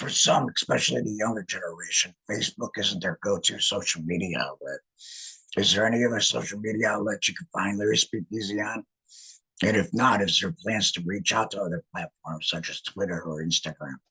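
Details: Male laryngectomee who regained speech after laryngectomy; alaryngeal speech after laryngectomy.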